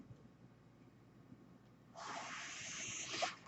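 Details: Mechanical ventilator breath sound from the speaker's own ventilator, heard during a spoken podcast; the speaker identifies the noise as their ventilator.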